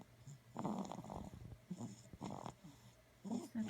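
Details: Soft, rough, snorting breaths about every second and a half, with brief quiet squeaks, from a sleeping 4-week-old puppy; snoring.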